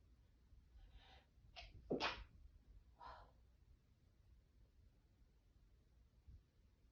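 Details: A habitual sneeze-stifler sneezing openly while cleaning, with a short intake of breath, a sharp, explosive sneeze and a softer follow-up blow in a quiet room; sneezing.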